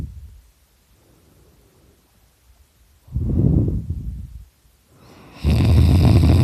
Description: Hey, this is me snoring I was taking a nap and I started snoring really loud it's really funny I'm sorry it's so short someone outside of my room was making noise and woke me up.